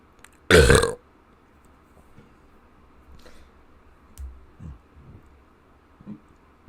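One loud, short, rough burp, then a few faint low gulps and burps in a quiet room.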